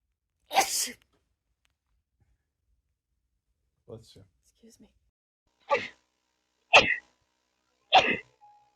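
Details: Five sharp, explosive sneeze bursts with quiet gaps between them in a small quiet room: rapid repeated sneezing.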